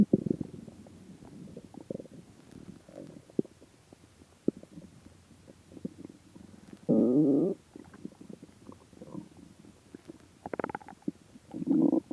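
Irregular gurgles and clicks with a few longer rumbling growls; hunger stomach growling.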